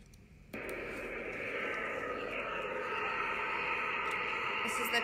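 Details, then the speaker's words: DIEP flap breast reconstruction after nipple-sparing mastectomy, with the vein checked through an implantable flow-coupler on a Doppler machine. A continuous audible signal means the vein is working: normal venous Doppler flow signal. "as long as the sound is present then the vein is working if you don't hear anything at all then you should be worried"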